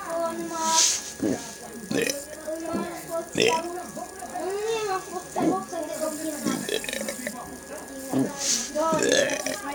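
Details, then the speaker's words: Voluntary burping done without soda or Coca-Cola: a series of repeated voiced belches in quick succession, several within ten seconds; burping. "we're making another video. Burping."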